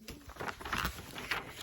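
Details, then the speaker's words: Short, rough, snorting breath noises from several pet dogs sleeping in a quiet room nearby, described as snoring up a storm: snoring. "And I apologize. My dogs are snoring up a storm. You're going to hear them over there."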